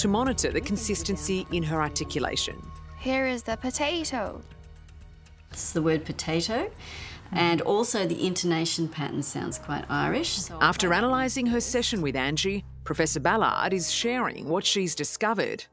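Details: Adult female narrator, possibly with a second speaker; normal speech.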